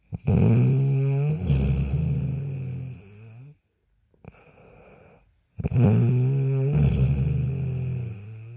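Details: Woman snoring during sleep: loud, harsh, buzzing snores with a rattling tone, separated by a brief silent pause.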